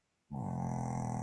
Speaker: someone snoring? Is that loud? Can you all hear that?